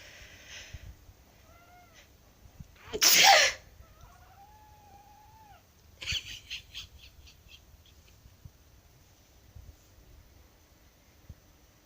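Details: A single loud sneeze from an adult, with a black cat meowing in complaint before and after and a brief rustle in a quiet room.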